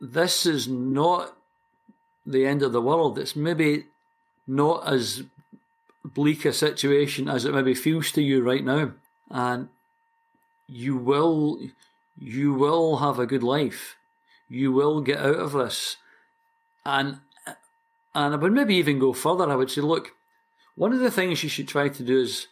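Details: Stuttering (stammering) in a 60-year-old man from Glasgow, Scotland, who has stammered since about age four, for as long as he can remember.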